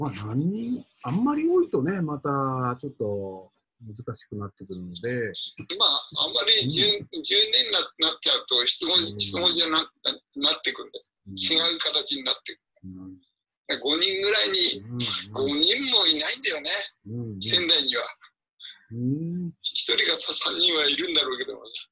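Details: Man with aphasia for several years, now recovering, speaking in an online group session; aphasia.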